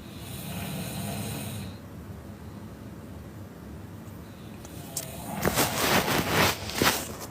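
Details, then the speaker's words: Person of unknown identity snoring near a singer during a late-night social media livestream; faint hiss, near silence, then rough rattling snores growing louder: snoring. "di sela-sela Dela ngomong samar-samar terdengar suara orang ngorok dengkuran itu semakin nyaring berbunyi nampaknya orang yang mendengkur itu ada di dekat Dela saat live"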